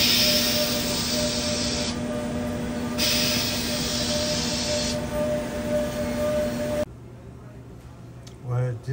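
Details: Steady high whine and grinding hiss with constant hum that stops abruptly: a dental milling machine cutting a ceramic frame for a full-mouth implant prosthesis.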